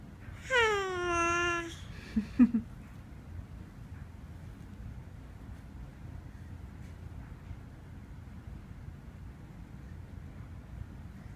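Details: A brief infant wail lasting about a second, then two short sharp sounds and quiet room noise, in a clip labeled as a baby sneezing; a single short infant cry.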